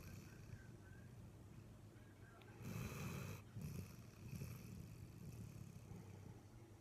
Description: Nana the lab snores on the couch after a walk in the morning.